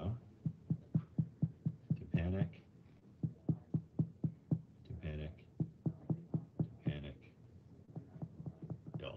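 Steady finger-percussion taps on the abdomen, about two per second, with brief words between; hollow notes turn dull: shifting dullness of ascites.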